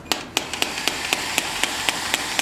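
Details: Sharp regular clicking taps, about four per second, from an S18 shock wave physiotherapy device handpiece delivering pulses through gel in a shoulder-pain treatment demonstration.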